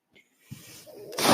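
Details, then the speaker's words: A soft mechanical hum builds into a rising airy whoosh: the speaker's own mechanical ventilator starting to deliver a breath, which he points out while talking in a podcast recording. "okay my name is that noise hearing is my ventilator"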